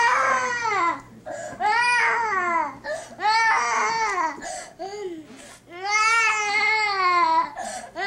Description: Instead of consoling this adorable baby, I just kept shooting video. Bad daddy!